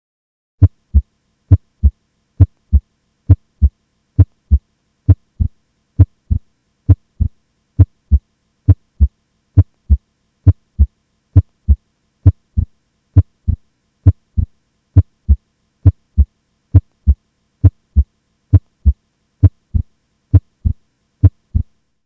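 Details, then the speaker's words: Physiological splitting of S2 heard during inspiration into A2 (aortic) and P2 (pulmonic) components, in a regular heart rhythm near 67 beats per minute. "here's a schematic of the normal heart sounds including the splining of S2 during inspiration you can see that the individual components of S2 are named A2 for the sound originating from the aortic valve and P2 for the sound originating from the pulmonic valve"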